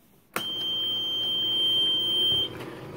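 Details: Oxygen concentrator with a bubbler humidifier cup, connected to a pet incubator, is switched on: a steady high-pitched electronic tone for about two seconds, a normal start-up beep.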